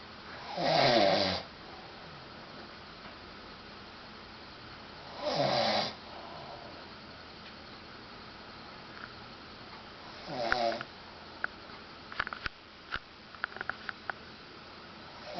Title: The Grumpy Husband Snoring